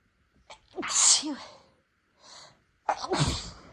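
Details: Two self-induced sneezes, set off by tickling the nose, with catching inward breaths and a voiced burst, in a person with no allergies whose nose had recently been sensitive to spicy food; big tickly sneezes.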